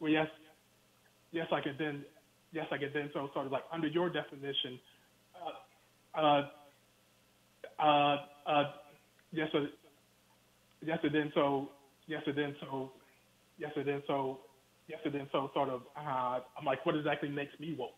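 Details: Stuttering in an adult man speaking by phone.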